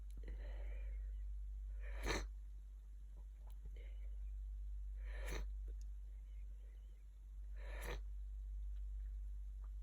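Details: Person with a bad cold, in bed for two days with a very blocked nose, sniffing, sneezing and blowing: three sharp bursts of air about three seconds apart with soft sniffing between them; repeated sneezing.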